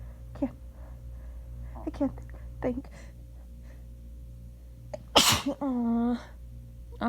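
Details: Person using a feather in the nose for the first time to provoke sneezes while trying to hold back and talk: a few quiet breathy catches, then one sharp explosive sneeze and a brief voiced groan.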